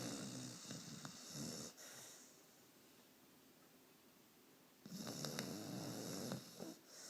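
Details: Sleeping dog snoring: two rattling, snorting snore phases with a quiet gap between, over steady room hiss.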